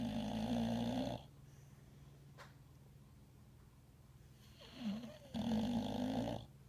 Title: My Dog Snores